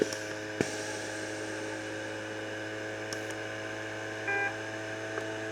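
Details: Inogen Rove 6 portable oxygen concentrator running at setting 6 in oxygen test mode: steady electrical hum with faint rhythmic pulsing and a few soft clicks and beeps, working normally.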